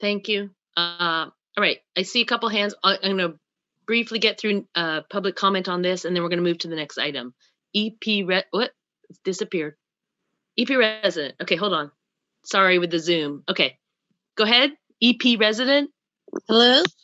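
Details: Adult meeting chair; ordinary speech.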